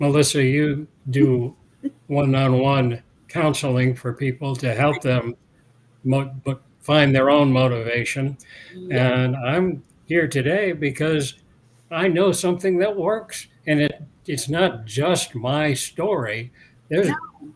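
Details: Adult man interviewed years after a 2017 stroke that caused aphasia and loss of mobility. His speech has largely recovered, but he pauses to find words, and speaking is harder when he is tired, dehydrated or agitated. Residual aphasia with word-finding pauses.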